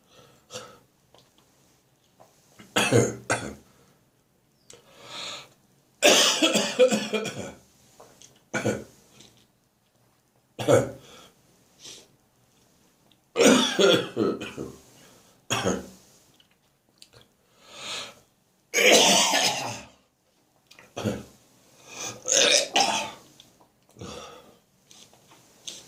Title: I Coughed and I gagged till the Phlegm Came Up!